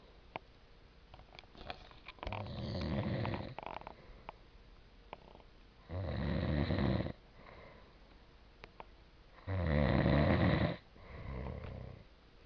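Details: An adult man, a dad, snoring: three loud, rough snores on breathing in, about every four seconds, each followed by a softer breath out, likened to a growling dog; ordinary snoring.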